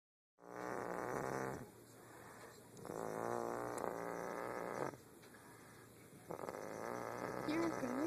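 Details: Snoring: loud, rough, rattling breaths in long drawn-out phases with quieter pauses between them.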